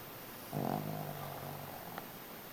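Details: Snoring from an 11-year-old Shih Tzu sleeping comfortably: one low, buzzing snore fading out over about a second against quiet room noise.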